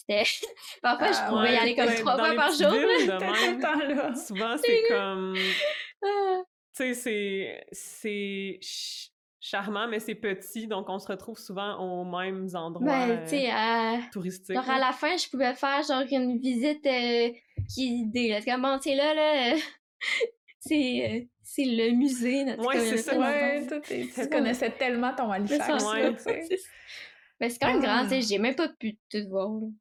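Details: Stuttering in an 18-year-old female student speaking French; repetitions are present.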